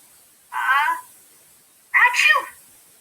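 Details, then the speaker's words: A single sneeze, a voiced drawn-in 'ah' followed a second later by a sharp, noisy 'choo' burst, presented as a springtime sneeze when pollen gives many people runny, itchy noses. "that's the sound of someone sneezing in spring many people get runny itchy noses and they"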